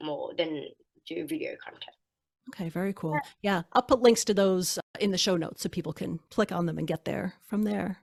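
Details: Two adult women in conversation; ordinary conversational speech.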